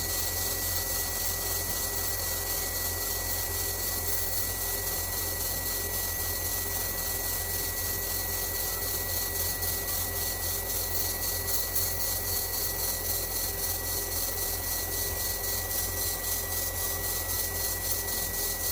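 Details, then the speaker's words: Steady high whine of a dental implant drill with suction hiss, widening the bone site after reaching length for a gold front tooth implant; patient reports only mild pressure, about 2/10 discomfort. "Good, so we're down to the length we need to be, it's not going to be any more of that sensation. Just widening now."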